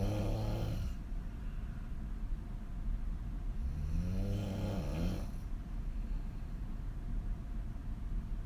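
Two deep, droning snores under heavy low rumbling background noise; open-mouth snoring during sleep.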